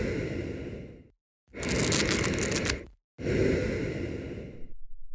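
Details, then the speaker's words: Fine dry inspiratory velcro-like crackles heard on slow deep breathing, typical of idiopathic pulmonary fibrosis, found bilaterally on posterior lung auscultation. "over 80% of patients with ipf prend with these typical inspiratory velcro crackles in both lungs during posterior Ros culation which are similar to the sound made by two pieces of velcro being separated slowly"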